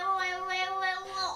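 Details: 11-year-old boy with Tourette syndrome who developed coprolalia and copropraxia quickly, ticking vocally; vocal tic.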